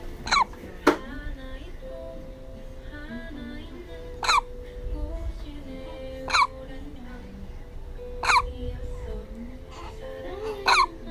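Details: Newborn baby's hiccups: about six short, sharp hiccups roughly every two seconds over soft background music.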